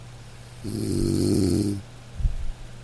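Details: Sleep snoring from a household snorer: one long, rattling, vibrating snore on an in-breath, then a soft out-breath.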